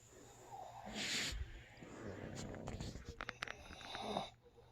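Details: Pugs napping: snorting, wheezy breaths with rattling bursts from a small flat-faced dog, a noisy snore over faint room noise.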